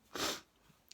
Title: - Just Before Bed